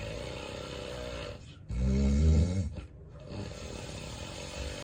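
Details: Real, unplanned daytime nap recorded in bed, adult with sleep apnea: deep snoring, snorts, heavy breathing and apnea pauses; obstructive sleep apnea snoring.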